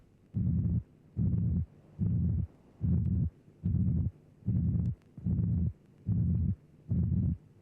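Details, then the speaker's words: Simulated pansystolic murmur of mitral regurgitation: a flat, constant-amplitude systolic murmur obscuring both heart sounds, with the second sound faintly audible at its end; murmur turned down, then restored. "the murmur is pan systolic it is obscuring both heart sounds although you may just be able to hear the second sound at the end of the murmur"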